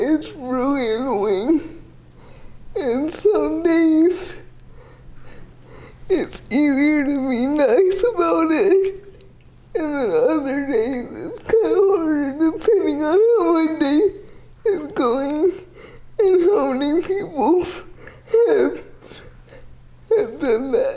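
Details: Dysarthria in a 30-year-old woman with GMFCS level 4 cerebral palsy, quadriplegia with an athetoid component; speech is somewhat hard to understand because CP affects her muscles.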